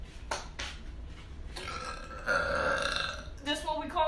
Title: New Youtube Short- Girl Burp - Burp Compilation - Part 5